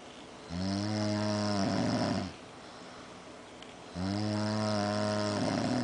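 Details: Two sleepers snoring loudly in unison: two long, loud, droning snores about three seconds apart, each ending in a rough, airy rattle.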